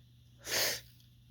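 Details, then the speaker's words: Adult man's sneeze after building nasal tickling, one of a series: single sharp hissing burst of air through nose and mouth; ordinary sneeze. "I'm back because I was feeling some sneezes coming. Oh, I love that feeling, when it's all take, hey, hey, hey, hey, when it's all tingling, in your nose, in your nose."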